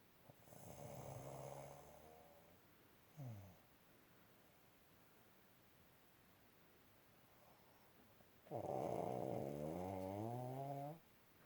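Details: Person snoring during sleep: two rough, vibrating snores on breathing in, with a short snort between, in a quiet room.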